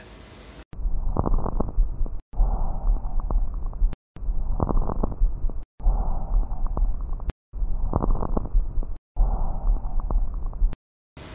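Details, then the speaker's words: Child with pneumonia (consolidation), right mammary area: harsh, hollow bronchial breathing with a gap between inspiration and expiration, crackles in mid-to-late inspiration and a few at end of expiration. "bronchial breathing is almost typical the hollow aspirate quality there is a gap between inspiration and exploration and the crackles are there in the inspiration especially middle and later part"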